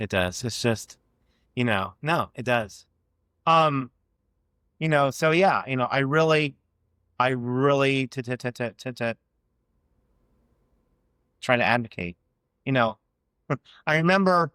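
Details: Adult man who has stuttered since childhood and had years of speech therapy as a child; real, non-acted speech in a conversation showing stuttering.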